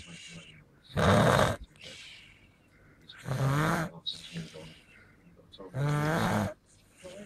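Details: Snoring during sleep: three loud, buzzing snores with quieter breathing between them, about 25 a minute and slightly uneven.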